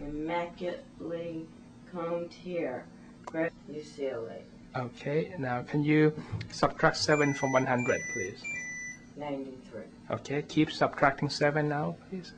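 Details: Adult examiner and patient in a clinical exam room; ordinary speech.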